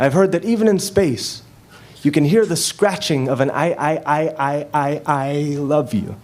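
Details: Female high school junior who developed a stutter soon after her parents' divorce and has spent hundreds of hours practicing it away; appears performed within a poem recitation: stuttering (performed).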